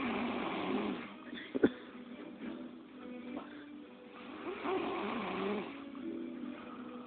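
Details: Uneven, rough, fluttering breathing noises with a brief sharp knock during sleep; snoring.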